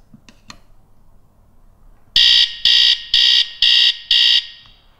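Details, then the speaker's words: Bedwetting alarm being tested by placing the transmitter's two studs against the receiver's metal strip: faint clicks, then five loud, high-pitched electronic beeps about two a second. "it's very important to test her alarm every night before your child goes to sleep this is done by placing the two studs on the back of the transmitter against the metal strip of the receiver like this"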